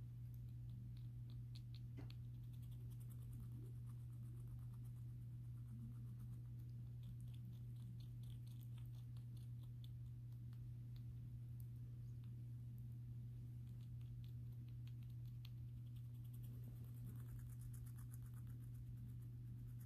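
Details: Faint rapid clicking and grinding from a happy pet rat bruxing its teeth, with eye boggling, a sign of contentment.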